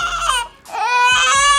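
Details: Two-week-old baby boy at a checkup, brought for poor weight gain, crying as his umbilical cord stump is cleaned and dried: loud, high-pitched crying in two bursts with a brief gasp between.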